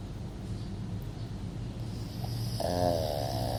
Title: Snoring dog